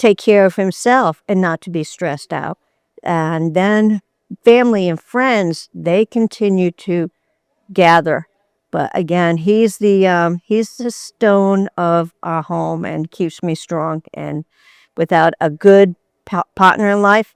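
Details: Adult woman with anomic aphasia from a stroke almost 10 years ago, affecting reading, writing, comprehension and speech, gradually improving with therapy; anomic aphasia.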